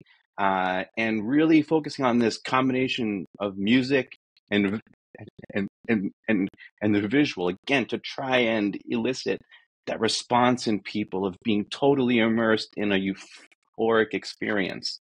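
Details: Adult man who says he is a person who stutters and that this is how he talks, not a recording glitch; this stretch has repeated words; stuttering.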